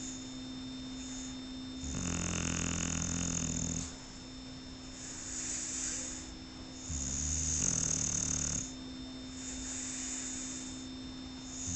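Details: Sleeping Shar Pei dog: two loud rattling snores on the inward breath, with quieter breaths between and a steady room hum; snoring.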